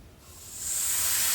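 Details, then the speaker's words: Oxygen leaking with a loud, rising, steady hiss at the connection of a CHM regulator on a portable oxygen tank when the nut is opened without a washer; noisy but typically not dangerous. "they're not really Danger dangerous but they do make noise and that's the scariest thing so without a washer in there if I open up this nut"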